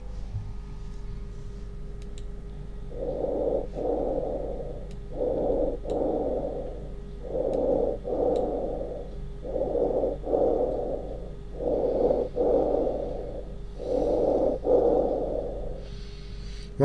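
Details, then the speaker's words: Normal bronchial breath sounds on chest auscultation in a pulmonary examination teaching demonstration: harsh, hollow breath sounds with distinct inspiration and expiration separated by a brief gap. "now please normal bronchial breathe sounds normal bronchial breath sounds"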